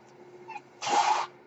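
Quiet room hum, then a brief sharp whoosh of air lasting under half a second: a mechanical ventilator delivering or releasing a breath.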